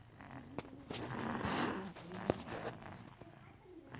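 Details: Snoring.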